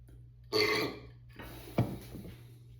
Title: Beer chug and burps